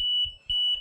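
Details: Steady high-pitched electronic tone with pulsing beeps: an LTV 950 home ventilator's disconnect and low-pressure alarm after the breathing circuit came off.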